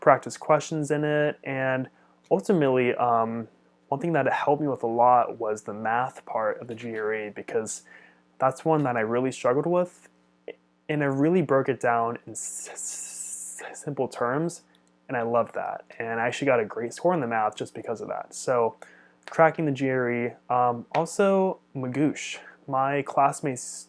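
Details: Adult man who stutters; stuttering.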